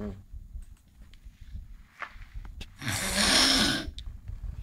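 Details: A boy imitating his parents snoring: a loud, rough, rasping breath noise lasting about a second over quiet room sounds; simulated snoring.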